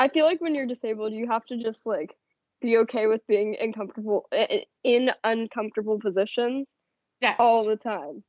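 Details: Adult woman speaking; normal speech.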